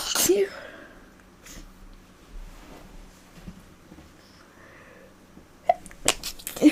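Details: Cuddly sneezes: a sharp sneeze at the start, then quiet room noise and a few more abrupt sneeze-like bursts near the end; sneezing.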